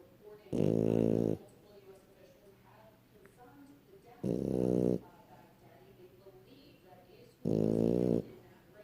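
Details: Snoring: three loud, buzzing, grunt-like snores about every three to four seconds, near 20 breaths a minute, with quiet breathing between.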